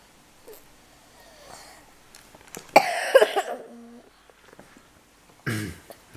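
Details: Speaker who is ill coughing while reading the Barmaley bedtime fairy tale: a harsh burst of coughing with brief throat-clearing, then a single further cough, in a quiet room.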